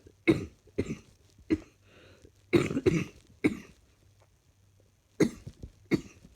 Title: Not feeling fantastic today at all. Need this cough to leave me now